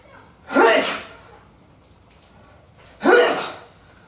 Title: Types of Sneezes (skit)